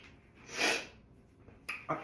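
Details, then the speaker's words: Person stuffed up, face feeling swollen after being around a cat the day before: a single sharp, hissing nasal burst followed by a couple of short sniffs; sneeze. "Sorry. I sneezed all over myself."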